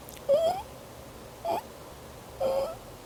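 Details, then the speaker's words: Infant's inspiratory stridor, a squeaky, humming throat sound on breathing: three high, squeaky breaths in about three seconds, described as abnormal and typically due to laryngomalacia. "una nating talakayin ang tunog na parang humuhuni sa lalamunan sa paghinga ni baby na tinatawag na stridor maaari mong marinig ang Halak na stridor na parang squeak"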